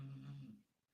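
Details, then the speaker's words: Great Dane puppy snoring while asleep: a low, steady buzzing drone of about half a second that fades out, vibrating rather than rattly. "that is my Great Dane puppy snoring. That's Oh my gosh, I wish you could see it. He is snoring."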